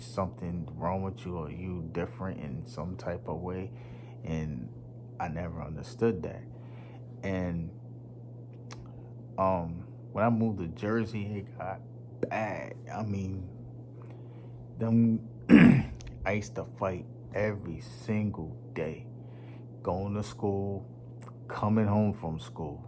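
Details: Young man who stutters; he says it was once so severe he could not talk, links it to his nervous system, and says it worsens when nervous around unfamiliar people; stuttering.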